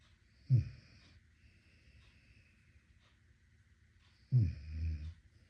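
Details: Snoring from a sleeping American Staffordshire Terrier puppy; two low, rough snorting breaths about four seconds apart in a quiet room.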